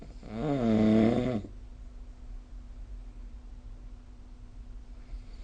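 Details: Snoring during sleep, recorded with the SnoreLab snore-recording app.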